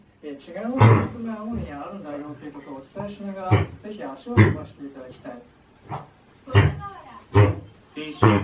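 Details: 8-month-old male Labrador with kennel cough caught at a dog park: run of harsh, honking coughs with rough, goose-like drawn sounds between them.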